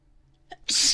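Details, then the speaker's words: Woman's candle-induced sneeze, with a triple sneeze remarked on right after: a short voiced intake, then one sudden, hissing burst of air; sneeze. "whoa a rare triple guys you're making history or I'm making history you're hearing it I guess"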